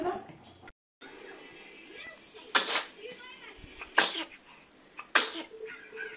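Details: Baby sneezing: three small, sharp sneezes, with adult voices saying "bless you" and light background sound between them.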